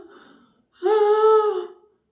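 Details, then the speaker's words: Stridor given as a sign of severity in childhood cough: a single high-pitched, musical, drawn-out breath noise indicating upper airway narrowing. "Strider है गंभीरता बताता है"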